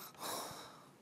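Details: Single sharp inhaled gasp imitating the sudden gasping awakening from sleep during sleep apnea; a demonstration, not a real event: gasping arousal.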